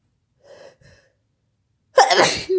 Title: Powerful fit, kinda messy sneezing